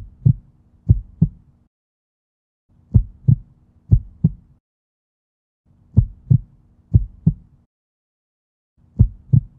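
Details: Edited heartbeat recording with every third beat removed: lub-dub pairs broken by regular silent gaps, dropped beats or pauses.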